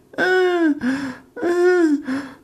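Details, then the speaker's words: Loud musical, whistling wheeze with each of two quick breaths, played as a teaching example of an added lung sound indicating airway obstruction. "هذا اللي هو الويزين يفرق يفرق اكيد يفرق يعني الويز معناها عندك اوبستركشن"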